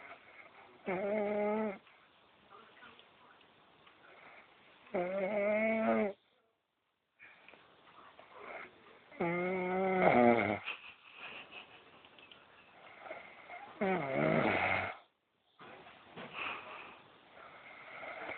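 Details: Person snoring: loud, buzzing, voiced snores about 14 a minute, separated by quieter breathing and brief silences.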